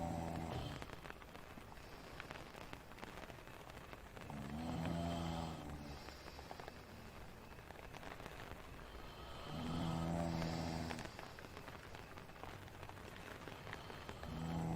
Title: Snoring sleepy tent ambience #shorts